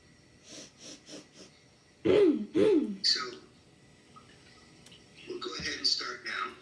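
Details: Child with chronic non-productive (dry) habit cough.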